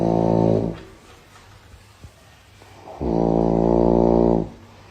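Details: Dog snoring: two long, buzzy, vibrating snores about three seconds apart with quiet breathing between, in a small room.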